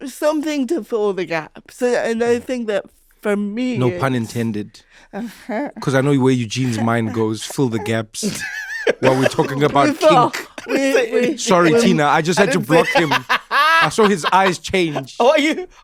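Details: Adults in conversation; typical speech.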